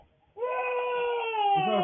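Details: 8-month-old baby's sudden, sustained loud tonal wailing cry after a short quiet gap, reacting to a strange sound made by the father as a prank; an ordinary startled cry.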